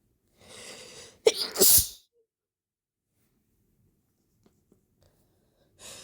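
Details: Sneezing brought on by chhinkni sneezing powder, used for the first time. A brief breathy lead-in, then a loud, explosive double sneeze in a quiet room.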